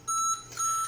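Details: Mechanical ventilator alarm beep: two short high electronic beeps from a Siemens Servo 300 ventilator during calibration, tidal volume out of range.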